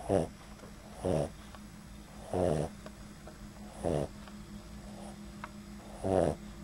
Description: Our Boston Terrier snoring (these are light snores for him).